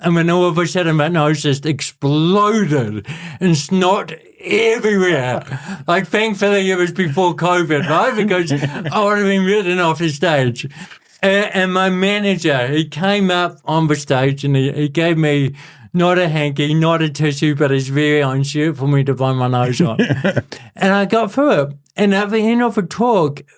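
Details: Adult man with cerebral palsy since birth, a physical disability affecting how messages travel around his body, who describes his voice as a little bit shaky; dysarthria (cerebral palsy).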